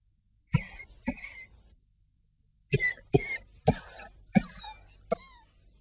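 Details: Simulated coughing by an adult actor in a South African public service advert raising funds for tuberculosis sufferers: seven harsh, explosive coughs, a pair then a run of five, in a quiet room.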